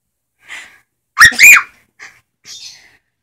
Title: When you think you have to sneeze